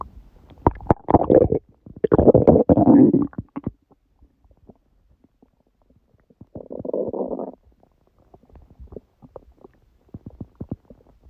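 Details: Stomach growling (borborygmi) recorded at 1:30 a.m. after overeating udon at 19:30, the first gluten in a while: loud gurgling rumbles in bursts with quieter bubbling between.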